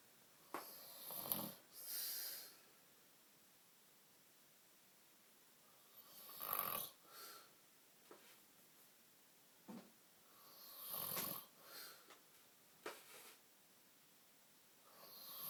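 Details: Sleeping man snoring and dribbling, irregular snorting wet breath noises about 13 a minute with quiet gaps between.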